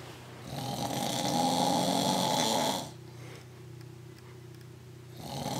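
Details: Loud rough snore on inhalation, then a quieter exhalation and another snore starting: a father asleep on the couch; ordinary snoring.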